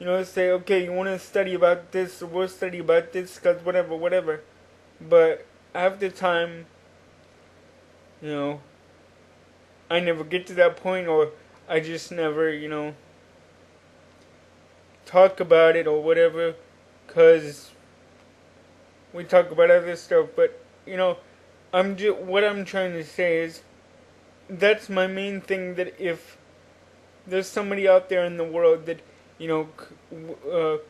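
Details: Adult man with cerebral palsy since birth, attributed to oxygen deprivation in the womb, wheelchair user, cognitively typical by his account; dysarthric speech in cerebral palsy.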